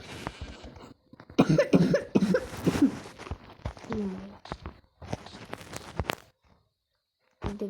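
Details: Harsh, repeated coughing from a child, about a dozen cough bursts with throat clearing and short pauses, recorded while playing Minecraft; cough.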